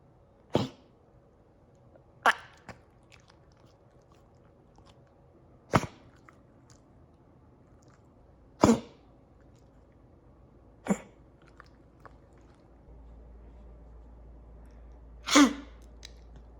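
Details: Kennel cough in a 2.5-year-old dog with sudden-onset coughing, filmed for the vet: six short dry forceful coughs at irregular intervals in a quiet room. The vet suspected one of many viruses and prescribed antibiotics; the dog recovered.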